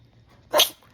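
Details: A dog gives a single short, sharp, hissing sneeze right after giving kisses, against a quiet background.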